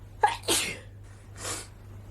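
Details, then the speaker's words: Sharp, forceful adult sneeze then a softer breathy burst, part of a repeated sneezing attack with itchy nose while cleaning a dusty closet full of tote bags. "Oh my god, I can't stop sneezing. I can't even talk to you guys because I can't stop sneezing. This is really crazy."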